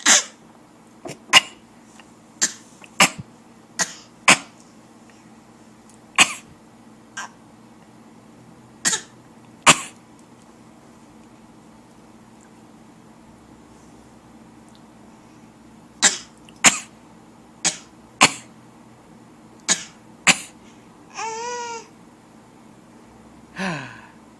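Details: Infant and adult trading deliberate coughs in a playful coughing match: short, sharp voluntary coughs back and forth with a brief vocal squeal.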